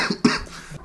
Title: Cough King Cole | #fishtanklive